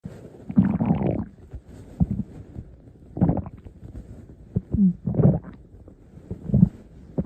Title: My stomach growling